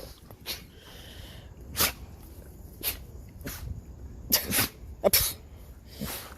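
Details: Dog play sneezes during play, alongside shake-offs and vocalizing: several short, sharp nasal bursts with some snorting.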